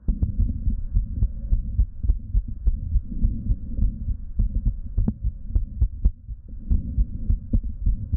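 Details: Adult woman with lipoedema, diastolic heart murmur heard through a Littmann stethoscope over the aortic and pulmonic areas: rapid heartbeats with a whooshing murmur and an extra fourth heart sound.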